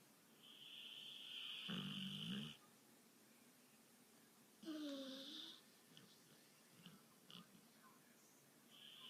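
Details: Two soft, low snores against a steady high tone and faint television sounds; snoring.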